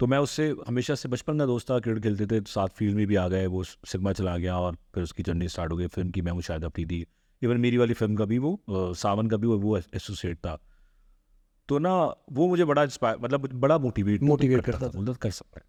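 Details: Adult man who has stammered since childhood, getting stuck when speaking; stuttering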